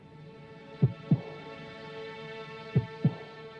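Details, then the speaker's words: Dramatized heartbeat sound effect, presented as Hitler's heart with aortic aneurysm, aortic valve regurgitation and dilated weakened left ventricle: two slow deep lub-dub beats, about 31 a minute, over musical hum, then sudden loud burst. "minden szívdobbanáskor a balkamra amely a szív legfontosabb része kétszer annyi vért pumpál mint szokott ezért kitágul az izom elgyengül végül a szív leáll így hangzott hitler szívverése"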